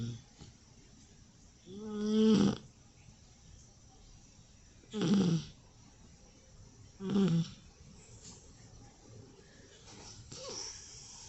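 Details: Rescue puppy asleep, snoring: four rhythmic snores, some whistling and buzzy, about 21 per minute against quiet room noise.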